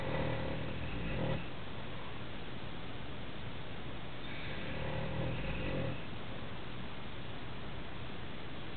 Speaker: clear evidence that you, my father, snore really loudly.